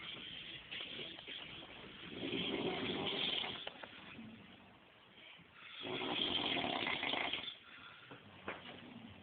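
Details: Adult man (uncle) snoring: two long, harsh, rattling breath sounds separated by quieter breathing, recorded on a phone; snoring.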